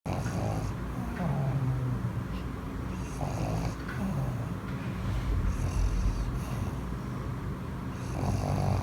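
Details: Small flat-faced dog asleep on his owner with eyes open: loud, rough snoring with a low rattling snort on each breath, steady and continuous.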